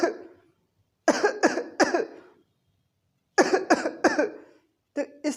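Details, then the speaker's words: Adult imitating a triple-paroxysm cough, three coughs at a time: bursts of three sharp coughs, each group followed by a pause; homoeopathic cough-type demonstration (Cuprum metallicum). "तीसरे तरह की खांसी जैसे ट्रिपल पैरोक्सिस्म of cough जिसे हम कहेंगे, यानी कि एक बार में तीन बार खांसी आना, जैसे"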